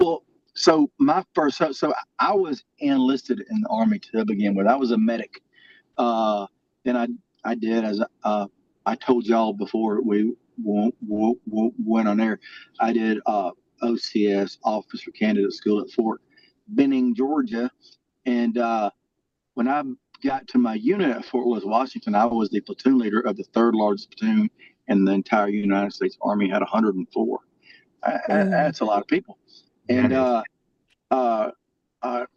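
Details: Adult man with a lifelong stutter that varies and was more severe in childhood; stuttering.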